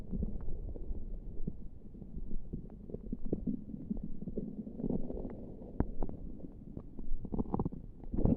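Continuous low gurgling and rumbling from the abdomen with scattered short pops and squelches, typical active bowel sounds.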